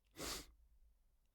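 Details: A sneeze: a single brief, hissing burst of air, heard faintly over low room hum.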